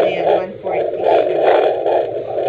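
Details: Fetal heartbeat at 17.6 weeks on a handheld Doppler: rapid, rhythmic whooshing pulses about 144 to 149 per minute, fading in and out as the active baby moves, with someone sleepy fussing in the background.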